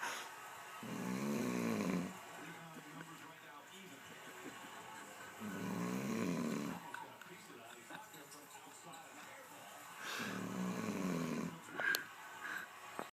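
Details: Adult man asleep: three loud, rattling snores about every four to five seconds, roughly 13 breaths a minute, with faint room noise between; ordinary loud snoring.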